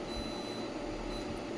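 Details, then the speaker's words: Class 4 physiotherapy laser (10 W, 980 nm) with lens attachment: a high-pitched repeating beep over steady room noise, sounding while the beam is emitting. "When I start the same, you will be hearing the sound of the laser, beep beep beep beep, and I put the same."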